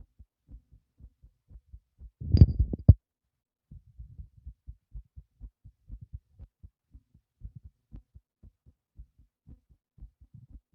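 Rapid, steady low heart thumps with a brief rubbing noise early on, a fast beat after physical effort.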